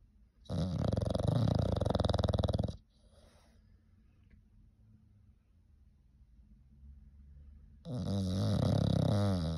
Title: Can you snore any louder Fergus #foryou #shorts #englishbulldog